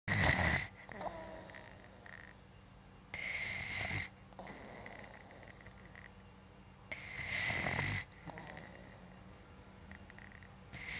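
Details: A father records his young son snoring while asleep: breathy, hissing sleep breaths with faint rough snoring, about 17 a minute, amid some background noise.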